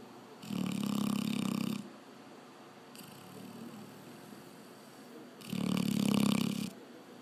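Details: A sleeping Labrador dog snoring with loud, rattling snores about every five seconds and a softer breath between them; snoring.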